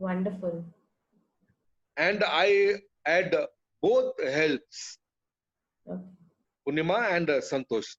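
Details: Adult male with chronic aphasia after a haemorrhagic stroke to the speech centre; he lost all speech, was told he would never speak again, and relearned it through years of speech therapy, still hesitating and leaving sentences unfinished.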